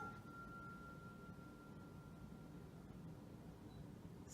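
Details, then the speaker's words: Rinne test during an EENT assessment for a nurse practitioner program: a pure, steady struck tuning fork tone fading slowly over seconds while the patient is asked to say when they stop hearing it; tuning fork tone. "okay and now we are going to complete the ring test just let me know when you stop hearing it and then we'll move it and then let me know then when you stop hearing it again okay"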